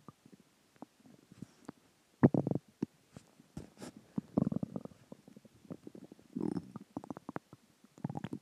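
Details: Stomach growling (borborygmi) after dinner, water and gas: frequent gurgling growls and bubbly bursts, several loud, with quiet gaps between.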